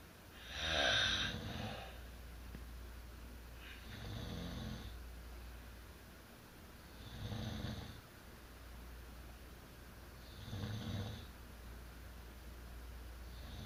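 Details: Two adults, a couple, sleeping together and known as heavy snorers: loud, rough snores repeating about every three seconds, with quiet room noise between them.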